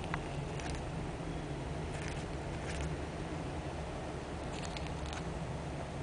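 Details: Soft, brief scraping clicks from a cockatiel grinding its beak over a steady low hum: normal beak grinding, which cockatiels do at night when sleeping or drowsy, not bruxism.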